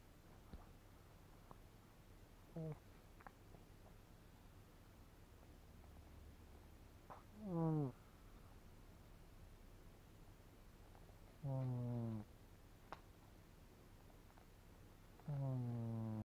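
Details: Close-up recording of a sleeping cat snoring: soft, low tonal snores, about four over sixteen seconds, with a quiet room between.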